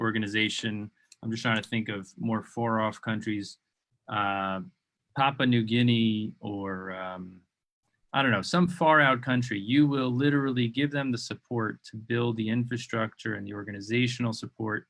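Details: Adult male speaker; ordinary speech.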